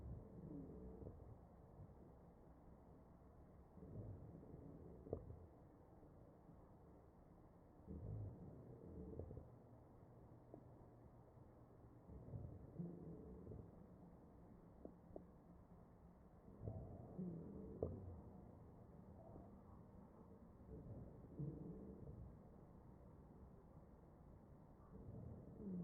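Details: Chest auscultation of a ventilated patient with a stethoscope: muffled ventilator breaths about 14 a minute with low musical wheezes during the breath cycles; wheezing.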